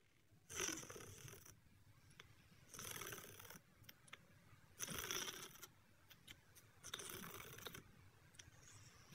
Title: How cats fall asleep by snoring1|Cute Compilation of Cats Snoring While Sleeping|Normal pet